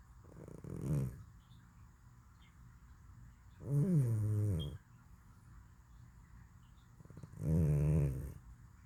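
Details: Cat snoring in deep sleep: three slow, low, buzzing breaths with quiet pauses between them, about 17 a minute.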